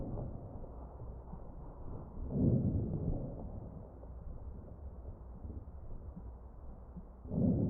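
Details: Crackles heard over the chest of a real ventilated patient.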